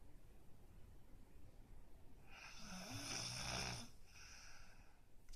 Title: Never knew that I snore